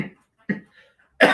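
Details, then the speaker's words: Adult speaker with a hoarse, lost voice coughing mid-talk in a quiet room: three short, harsh bursts, the last loudest and rough: coughing fit. "Where was I? That's how they my voice is gone now. I sound like I'm 50 and I smoke 20 a day."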